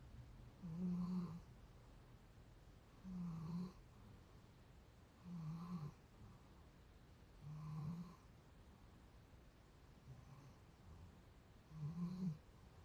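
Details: Tired dog sleeping, soft regular low snores about every two and a half seconds, roughly 25 a minute, with quiet pauses between; ordinary snoring.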